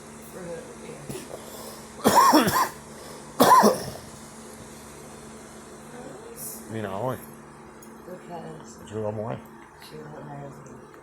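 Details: A girl coughing while smoking: two sharp, harsh coughs in quick succession, then quiet voiced sounds and low room noise; cough while smoking.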